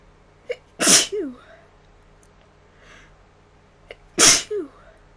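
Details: Person sneezing, possibly self-induced: two loud sneezes, each preceded by a short breath in and followed by a brief voiced sound.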